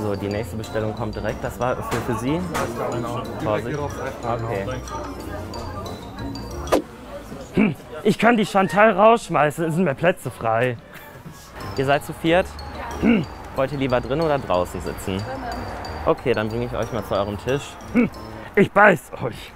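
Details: Young man with Tourette syndrome working as a waiter in a café, taking a phone call and seating guests; involuntary vocal tics occur mid-sentence. Vocal tics (Tourette syndrome).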